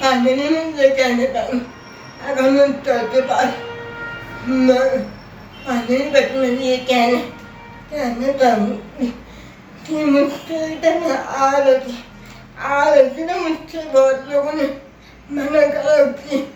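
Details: Adult woman with cerebral palsy whose speech is hard to understand; dysarthria (cerebral palsy).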